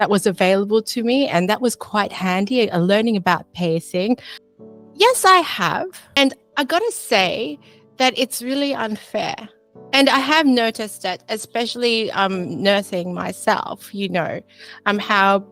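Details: Foreign accent syndrome in a woman, a nurse from Melbourne, Australia, with functional neurological disorder (FND); she says she ends up sounding English, has daily FND flare-ups and sometimes cannot talk.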